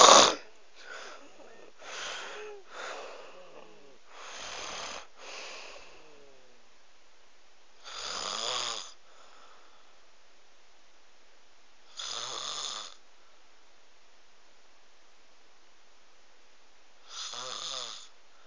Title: snoring omg haha